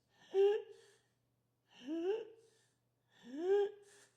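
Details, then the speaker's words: An adult imitates inspiratory stridor, the noisy breathing an infant with laryngomalacia makes when crying or breathing deeply as the soft airway collapses: three high, crowing, musical in-breaths. "the airway collapses and it will cause noisy breathing and a lot of times Strider sounds like this"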